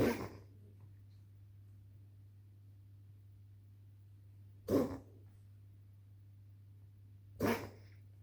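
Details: Coughing recorded on 28 October 2025 at 22:30.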